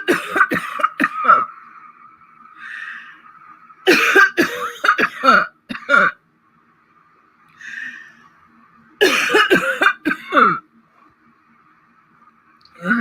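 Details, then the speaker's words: Cough with wheezing in an adult woman whom a telehealth doctor told had deep chest congestion, with fluid in the lungs and possible pneumonia: three harsh coughing bouts with noisy, whistling breaths between them. "do you all hear that wheezing that's fluid building up in her lungs"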